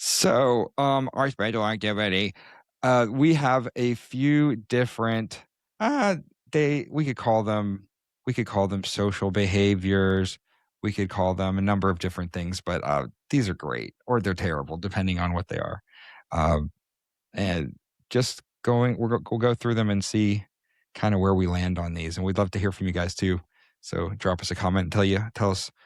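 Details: Adult man; Normal voice.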